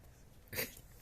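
A single quick, sharp, airy burst against a quiet room: a dog's sneeze.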